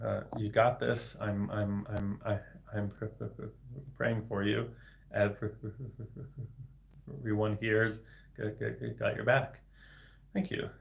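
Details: Adult man, a speech-language pathologist, with developmental stuttering, speaking spontaneously in a livestream; word repetitions audible; finding: stuttering.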